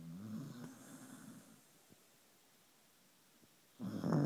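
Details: Sleeping dog: two brief, rough, rattling snores separated by a quiet pause; snoring.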